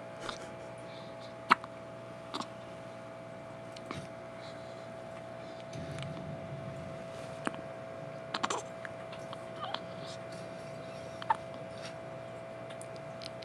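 Faint, sharp little clicks about every one to two seconds over steady room hum: an infant's hiccups.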